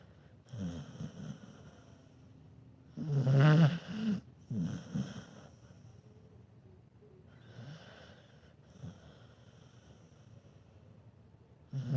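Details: Dog snoring while asleep: irregular rattling, snorting snores, a few loud and the rest softer, with quiet breathing between.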